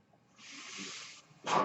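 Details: Mechanical ventilator breath.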